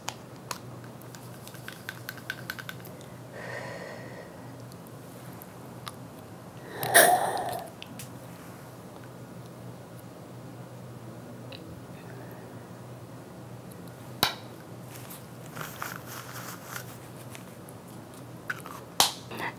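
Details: Quiet room, a soft exhale, then a short sharp spray hiss with slow, deep inhalation, followed by clicks: a pharmacist demonstrating correct use of a pressurised metered dose inhaler (puffer) without a spacer.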